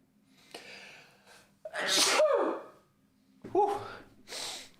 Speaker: um but I know most of you I'm going to sneeze in a minute